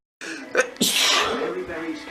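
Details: Sneeze blamed on pollen and plants: a short intake of breath, then one loud, explosive sneeze that trails off.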